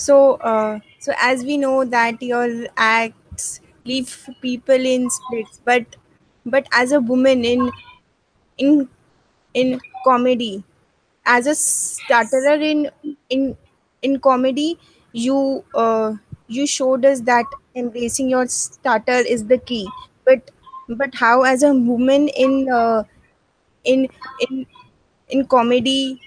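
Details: Audience member at a stammering association comedy session asking a question, with word repetitions; stuttering.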